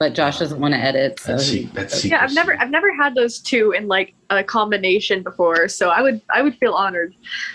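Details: Woman with Tourette syndrome with vocal tics; swearing and interjection tics interrupt her speech while she tells a story; finding: Tourette syndrome vocal tics.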